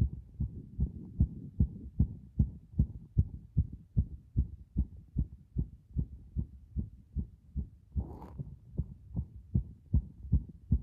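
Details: Heart sounds recorded by pressing against the chest after a bath: strong, regular low thumps at about 150 per minute, a fast heartbeat through the chest wall.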